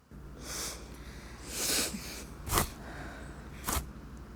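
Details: Several short, sharp, breathy bursts over a soft background hum, fitting a run of sneezes, from a Tamil TV commercial (sneezing sisters).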